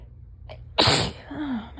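A quick indrawn breath, then one loud explosive sneeze with a trailing voiced sigh over room hum; an ordinary sneeze.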